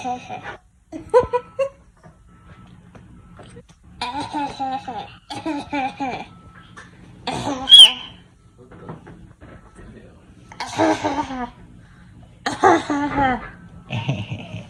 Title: Baby fakes coughing